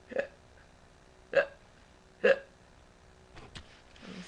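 Three sharp, brief voiced hiccups about a second apart, with faint room noise after, typical repeated hiccups.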